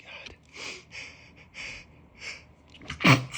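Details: Male, allergy sneezes: several soft breathy bursts, then one loud explosive sneeze at the end; sneezing.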